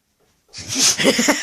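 A single sharp, hissing burst after silence, a dog's sneeze.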